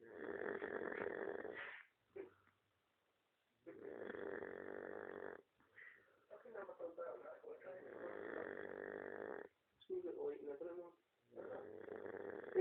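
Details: Dog snoring during sleep: long, rasping snores with sputtering between them, repeating every few seconds.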